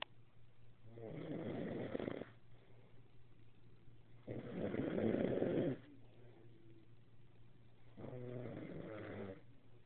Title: Heard snoring in his sleep